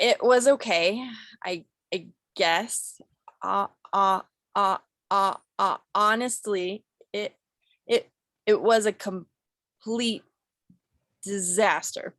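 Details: Acted stuttering by a client in a clinical skills role play, with word repetitions such as "i i" and "it it it".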